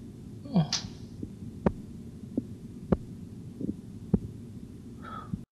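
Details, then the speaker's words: Korotkoff sounds in an auscultatory blood pressure training exercise: soft regular taps fading out, last regular tone at 88 mmHg diastolic; reading 148/88 mmHg. "так последний регулярный тон находится на уровне восемьдесят восемь миллиметров ртутного столба"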